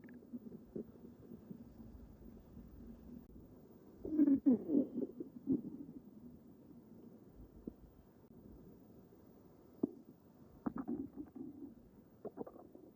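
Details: Stomach rumbling the morning after a large overeating session, recorded without an external microphone: quiet, low gurgles with a few louder squeaky bursts over a steady hum.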